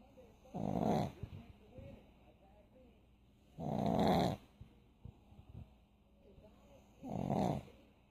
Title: Snoring pug